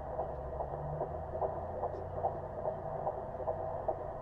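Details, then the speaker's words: Midwife clinic Doppler at 15 weeks of pregnancy, in a mother with PCOS. The probe is placed low and the heartbeat is found quickly: regular, rapid, strong whooshing pulses at about 145 a minute. Fetal heartbeat. "You hear that? That's baby. And so that's awesome that we heard the heartbeat."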